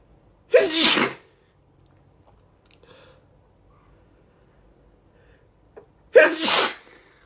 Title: Sneezing, with snot at the end